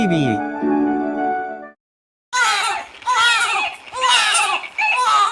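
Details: Short musical jingle, a pause, then a baby's loud, wailing cry in repeated rising and falling bursts, set off by the father's sneeze; infant crying.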